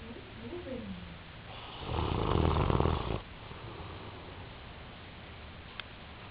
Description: Turn up your volume and listen... he snores......